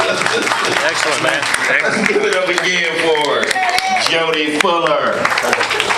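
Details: Adult male host; typical speech.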